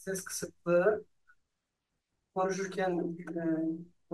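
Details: Young man one year after surgery for sulcus vocalis, a usually congenital vocal fold defect: voice intensity improved and breathiness decreased; improved voice after sulcus vocalis surgery.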